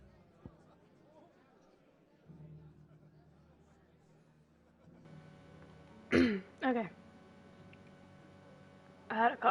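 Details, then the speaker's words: A gamer who has had a cough since the previous night and says it feels like wanting to be sick gives two quick harsh coughs, then a third, over quiet game sound and hum. Dry cough. "had a cough, sorry. It's like, I feel like I want to get sick, but then nothing happens."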